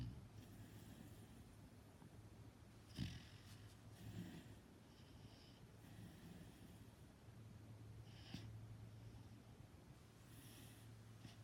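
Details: Female sleeper snoring while dreaming: low, rumbling breaths with occasional snorts over a steady hum.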